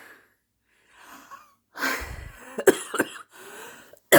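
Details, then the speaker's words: Adult woman with an ongoing cough and mild wheeze of unclear cause (she suspects allergies or dust), chest X-rays done, doctor started asthma medication: quiet breaths then a burst of harsh coughing, shorter coughs after; cough. "been coughin have a little bit of Wee I don't know what it's from allergies dust something and a little bit of a wheeze"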